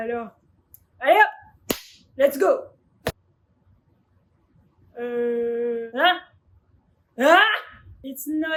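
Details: Loud, exaggerated sneezes of a dad in a comedy skit: sharp explosive bursts with voiced build-up sounds; sneezing.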